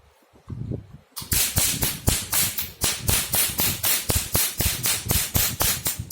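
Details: Sharp snapping clicks speeding up to about four per second as the laser handpiece of a multifunctional OPT/RF/laser machine is test-fired at its highest energy with a foot pedal while the frequency (adjustable 1–10) is turned up.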